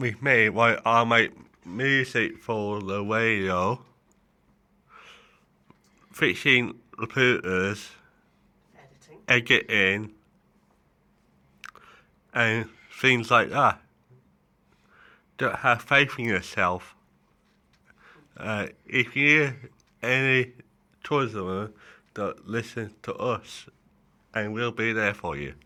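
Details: Adult male with cerebral palsy affecting the right side of his body, which he says affects his speech and mobility; dysarthria.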